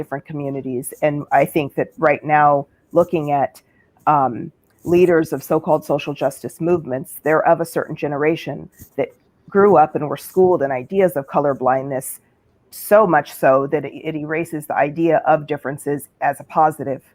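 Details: Adult speaker; ordinary speech.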